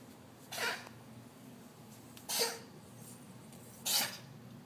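Three short, breathy, hacking bursts about one and a half seconds apart over low background hum: a cat coughing.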